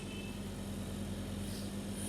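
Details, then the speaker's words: Portable home oxygen concentrator (model ZYA1/ZYA2) switched on with nasal cannula output, concentration 90–93 percent: continuous low motor drone with steady hum as the machine runs. "then we turn on machine okay now I can see some small flow since more air comes from your home means the oxygen makings going is doing running now we can see"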